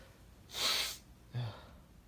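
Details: Male, mild induced sneezing bout; a soft, breathy, hissing sneeze followed by a brief low voiced sound: a mild, stifled sneeze.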